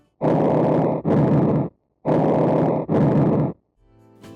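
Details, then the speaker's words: Simulated bronchial breath sounds, normally heard over the trachea, upper sternum and upper thoracic paraspinal areas; loud, harsh, high-pitched, hollow breathing with a brief pause between inspiration and expiration. "Bronchial breath sounds are heard normally over the trachea, the upper sternum, and paraspinal areas of the upper thoracic vertebrae. They are often loud and high pitched."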